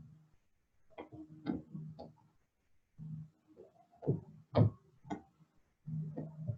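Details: Korotkoff sounds in pulsus paradoxus.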